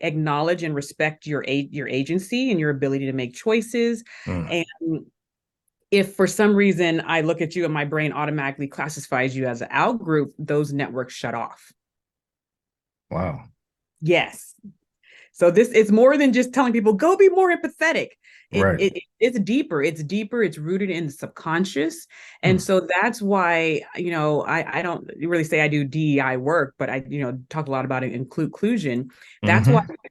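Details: Adult woman who still stutters today, speaking in a podcast interview; stuttering.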